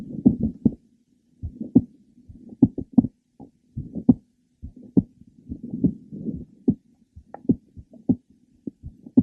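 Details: Frequent premature ventricular beats with a series of sharp clicks in mid to late systole in a mitral valve prolapse patient, apparently at the third left sternal border; she feels skipped beats, more when lying down.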